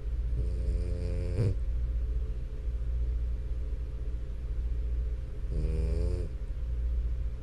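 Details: French Bulldog, a flat-faced breed, snoring while asleep: two brief rattling, tonal snores over a steady low rumble.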